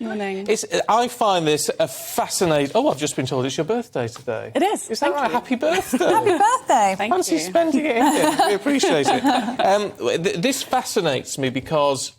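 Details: Adult female presenter in conversation; normal fluent speech.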